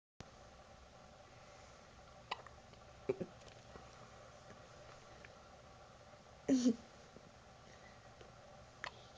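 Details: Infant hiccups: four or five brief, sharp catches of breath spaced irregularly in a quiet room, one with a little voiced squeak.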